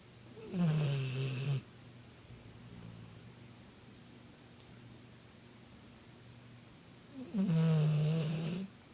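Two long, low, rumbling snores about six seconds apart, with quiet breathing between; ordinary snoring, about 9 breaths a minute.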